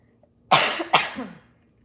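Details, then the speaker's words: Two quick, forceful, harsh coughs from an adult woman who has been sick for 14 days with a raspy voice, each burst with a short trailing tail, in a quiet room. "sorry y'all bear with me because your girl is still sick I'm trying to get over it"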